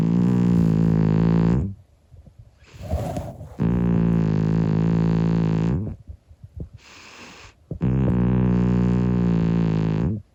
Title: Cat snoring loudly! 25 year old (young) calico cat Monkey